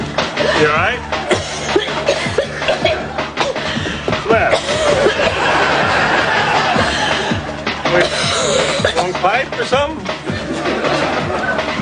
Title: coughing actresses 124.wmv